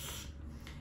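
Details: Therapist-demonstrated (acted) lateral lisp, slushy quality with sound produced out the sides of the mouth.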